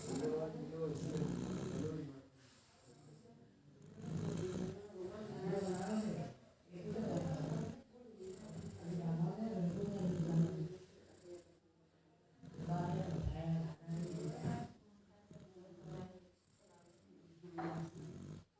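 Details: Repeated soft, snorting breath noises with short pauses between them from a sleeping baby; light snoring.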